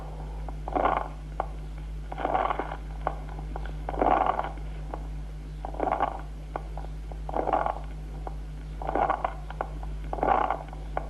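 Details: Cavernous rales.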